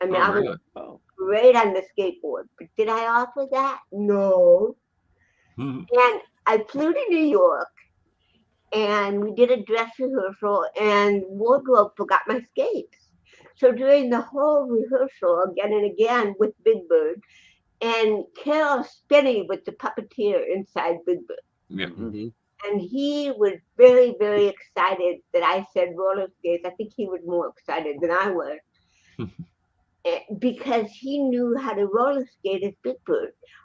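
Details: Adult woman, an actress and comedian, born with cerebral palsy in 1956, speaking in an interview; dysarthria due to cerebral palsy.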